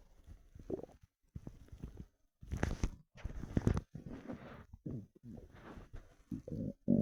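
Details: Empty stomach after 4 hours without food: irregular gurgling and rumbling bursts with low bubbling pops and brief quiet gaps, hungry borborygmi.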